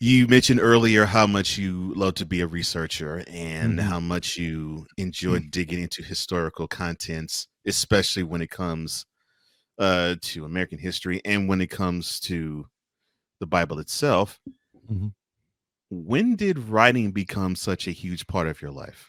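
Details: Adult male speaker; typical speech.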